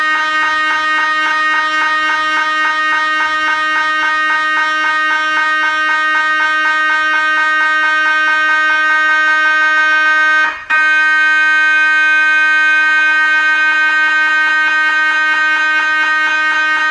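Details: MRI scanner noise: a loud, steady, rapid buzzing hum with a brief break midway, then the same tone resumes.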